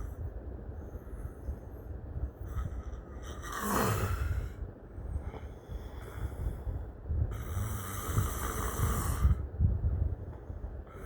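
Rough, low rattling snores over steady room noise, with snorting breaths in between; ordinary loud snoring.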